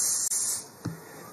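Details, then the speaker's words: Simulation of tinnitus in a man with tinnitus after various traumas: high-pitched, cicada-like buzzing over a continuous steady hiss, a phantom ringing in one ear. "ici c'est un son un peu comme une cigale sur un bruit continu"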